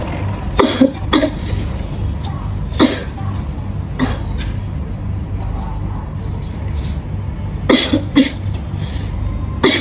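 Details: Simulated nurse–patient role-play teaching deep breathing and effective cough: three deep breaths then a forceful cough to expel sputum; several short, forceful coughs in pairs and singles over steady background noise.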